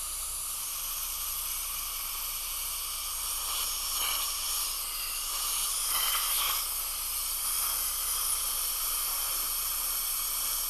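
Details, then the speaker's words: High-speed dental handpiece forming interproximal elbow veneer preparations on a patient's lower teeth, bur kept along the tooth's long axis to avoid undercuts; steady high-pitched whine with hissing water spray, varying slightly while cutting. "keep the burr along the long axis of the tooth so that you don't create undercuts as you form that elbow preparation"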